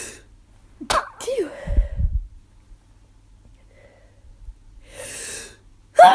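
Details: Adult with suspected allergies, now sore throat and headache, gives two sharp sneezes with an audible intake before, then a breathy exhale and another sneeze starting: sneezing.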